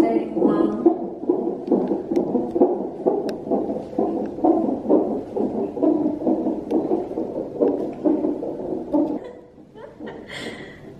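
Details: Rapid, regular whooshing pulses around 136 beats a minute, fading near the end, from a fetal heart monitor during active labour, cervix five centimetres dilated, contractions about every four minutes.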